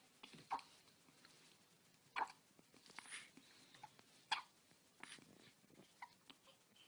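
Short, sharp hiccup sounds about every one to two seconds in a quiet room, typical of newborn hiccups.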